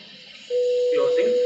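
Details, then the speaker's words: Electrosurgical generator tone: steady pure tone starting suddenly with speech over it, as the snare is closed with the pedal on Endocut Q to cut a malignant central airway tumor during bronchoscopy in a 48-year-old woman, FiO2 under 40%. "So now you can activate the yellow switch on the pedal and you have to slowly keep closing the snare till the tumor is cut."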